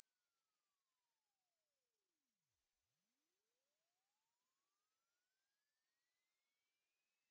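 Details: A single steady, very high-pitched pure tone slowly rising over about seven seconds, played as an online hearing test aimed at people over 50; hearing test tone sweep.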